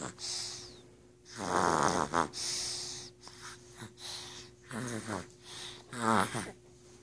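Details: A person snoring in a quiet room, with irregular noisy breaths, rattling fluttery snores and occasional snorts on inhalation.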